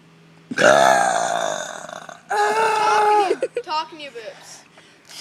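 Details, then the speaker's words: Person deliberately burping as loudly as possible: two long, loud, voiced belches, the second trailing into a gurgle, in a small room. "just stand up and burp and do the biggest ones do biggest burp you ever can do in your"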